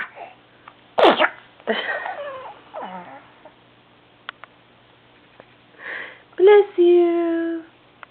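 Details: Baby girl sneezing; a single sudden explosive sneeze followed by breathy vocal sounds and a short cry-like sound.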